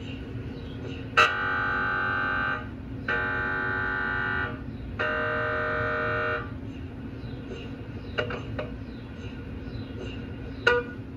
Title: Liver MRI Quality Assurance Scan- GE MRI Scan